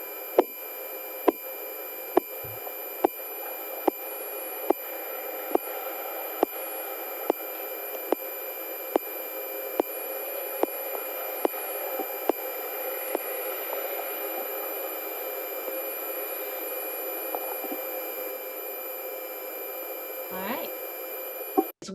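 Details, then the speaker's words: Korotkoff sounds heard through a stethoscope during a nursing-skills blood pressure demonstration by a simulation team, listening for when the sounds first appear and when they disappear as the cuff deflates. "so it's when the sound comes on and when the sound actually goes away you're going to be able to hear them pretty closely"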